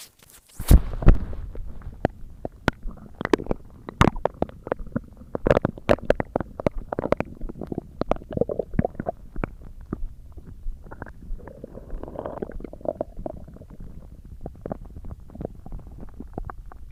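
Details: Stomach growling: continuous crackly gurgling and popping with low rumbles over a quiet hiss; active bowel sounds (borborygmi).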